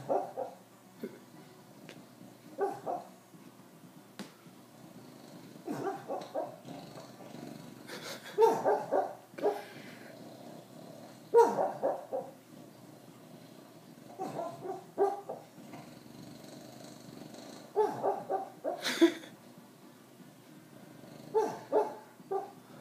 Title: Bulldog Sleep Talking